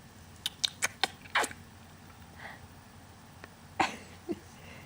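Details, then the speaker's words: Happy little girl sneezing, which is attributed to the bright light from a computer: a run of small sharp bursts, then one stronger sneeze and a faint one. "that light from that computer is so bright super height it makes you sneeze"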